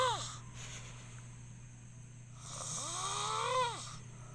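A rough, whistling snore rises and falls on the in-breath: snoring.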